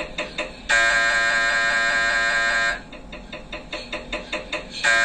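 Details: Loud harsh buzzing tone alternating with rapid rhythmic knocking, recorded inside the scan room: MRI scanner noise during a brain MRI.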